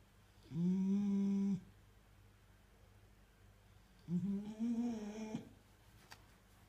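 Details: Two buzzing, droning snores, each about a second long with quiet between, from a sleeping miniature bull terrier; loud snoring.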